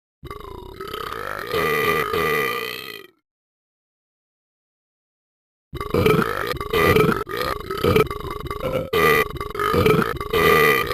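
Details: Long, sustained, rumbling voiced burps in two stretches separated by a silent gap; burping.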